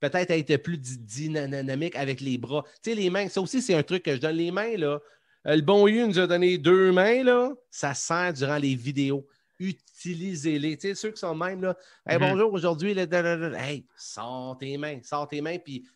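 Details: Self-reported stuttering in an adult man, who says he stutters quite a lot in real life and that it becomes more noticeable as the interview goes on; stuttering.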